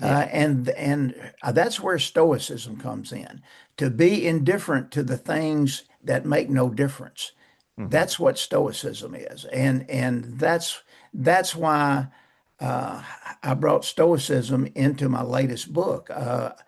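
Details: Persistent stuttering in an adult male author who says he still stutters, mainly blocks and bad airflow with some repetitions and prolongations.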